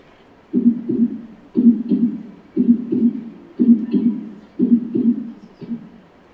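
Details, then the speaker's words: Clear, regular lub-dub heart sounds at about 60 beats a minute. A digital recording of a normal healthy heart played in a demonstration of a wireless auscultation device. "so in this case if the clinician heard the sound they would diagnosed that this is a healthy heart"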